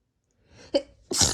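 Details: Induced sneeze: short intake of breath then a sharp explosive hissing burst; a single ordinary, unstifled sneeze.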